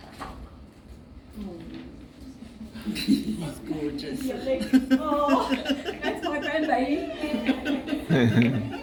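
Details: Woman with aphasia since 2005, acquired at age 43 after severe seizures and central nervous system vasculitis; initially global aphasia; she reports speech worsens when tired or stressed; aphasia.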